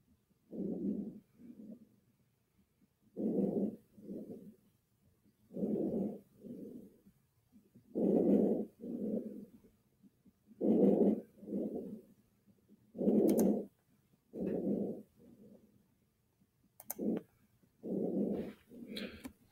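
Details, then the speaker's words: Normal breath sounds through a stethoscope: soft, quiet, regular breathing, each louder inhale followed by a quieter exhale. "so this is normal breath sounds let's listen to this if you listen carefully you should hear just some nice quiet breathing"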